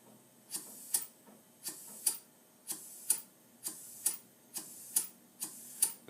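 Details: Paired hissing clicks repeat steadily at about 70 cycles a minute: a NICU neonatal transport conventional ventilator in a training demonstration, rate raised by shortening expiratory time.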